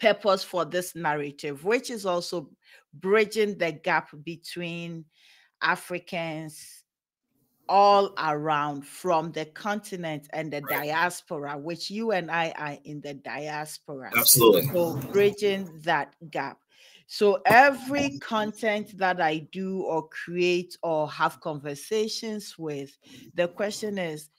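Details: Adult woman speaking; typical speech.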